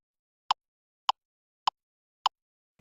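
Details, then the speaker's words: Evenly spaced short electronic ticks, roughly 100 a minute, from a LIFEPAK 15 defibrillator's CPR metronome on its default Adult, no airway, 30:2 setting, pacing chest compressions. "The CPR metronome menu appears and the metronome is activated using the default setting Adult, no airway, 30 to 2. If you want to change the metronome setting or stop the metronome, use the speed dial to highlight and select the choices. The metronome gives you talks to time compressions"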